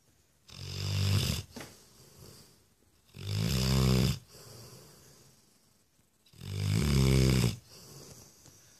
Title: Monet, the snoring dog (yellow lab)